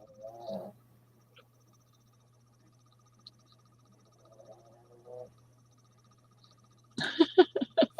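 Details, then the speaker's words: Boston Terrier dog asleep and snoring, first mistaken for the owner's wife. "oh the dog is snoring I thought it was his wife she doesn't snore much no that's she has kind of a loud steady steady sleep breathe but it's not snoring"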